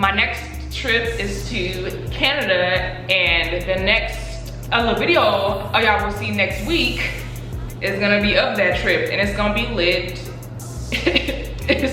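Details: Adult woman with stuttering, who says she stutters less when angry; stuttering.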